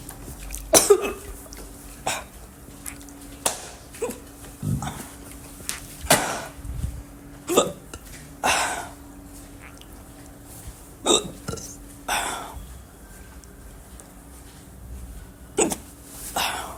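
Repeated abrupt throaty hiccup sounds at irregular intervals of a few seconds, over a faint steady hum; hiccups.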